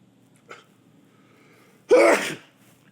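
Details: A male with a tickly, itchy nose makes a brief sharp inhaled catch, then one loud explosive sneeze: sneeze.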